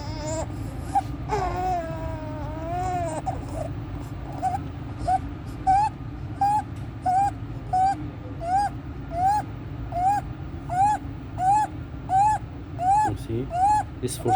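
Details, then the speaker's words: A 14-day-old full-term baby, admitted with meconium aspiration that resolved, makes rapid, regular, high-pitched squeaky breath sounds with suprasternal and intercostal retractions and desaturation, worse with crying and feeding. Inspiratory stridor. "Just baby having inspiratory stridor, suprasternal retraction, intercostal retractions, increase with crying and feeding."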